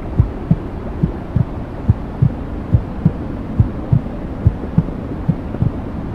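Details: Womb sounds played to help a newborn sleep: steady muffled whooshing with regular soft low thumps about 35 a minute; maternal heartbeat heard through the womb.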